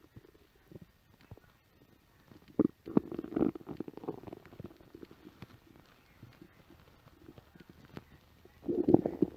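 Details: Stomach growling (borborygmi) on a film set: quiet gurgles and low bubbling rumbles come and go, with a louder burst at the end.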